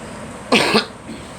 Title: Girl coughing